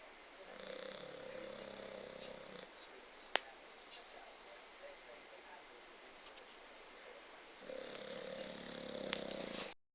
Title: Snoring Bulldog